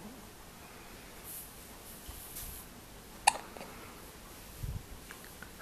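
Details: One sharp, abrupt hiccup from a newborn against soft room noise, with a faint second catch shortly after: newborn hiccups.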